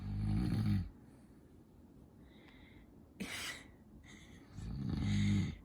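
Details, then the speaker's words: Dad's loud, low, rattling snores on breathing in, about ten seconds apart, with quiet breathing and small noises between, keeping a baby awake; ordinary snoring. "Is Daddy's snoring keeping you awake? It's very loud, isn't it? It's a bit loud, isn't it?"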